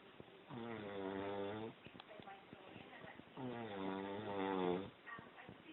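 Two long, low, droning, voice-like snores with quieter breathing between them: loud snoring.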